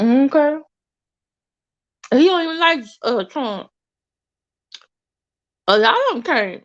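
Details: Woman with an overbite who recently got braces and a tongue crib ("tongue tamer") that keeps her tongue off her teeth, causing a temporary lisp-like articulation distortion she calls her current speech impediment.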